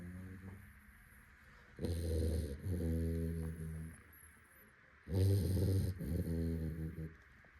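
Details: Sleeping Labrador dog snoring out loud: two long, loud, rumbling noisy breaths with quiet pauses between, about 18 a minute; snoring.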